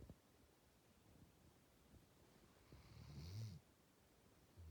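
Quiet room, then one low, rattling snore lasting about half a second; a dog snoring in sleep.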